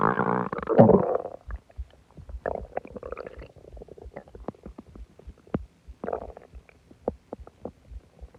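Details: Borborygmi.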